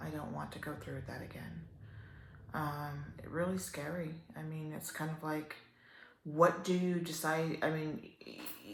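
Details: Adult woman with upper motor neuron onset ALS, almost 3 years in, a slow progressor with worsening spasticity; dysarthria in ALS (upper motor neuron onset).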